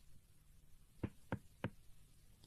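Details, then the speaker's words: Chest percussion on a boy's back in a cartoon doctor scene (seated turned around, shirt off, examined for a cold): three dull knocking taps about a third of a second apart, like knocking on a door. "எதுக்கு கதவை தட்டுற மாதிரி தட்டுறீங்க? டக்குன்னு ஜொரம் போணும்னு இப்படி டக்கு டக்குன்னு தட்டுறீங்களா டாக்டர்."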